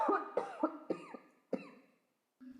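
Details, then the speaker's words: Adult with COVID-19: a rapid run of about five short, harsh coughs, COVID-19 cough. "This is the sound of someone who has got COVID."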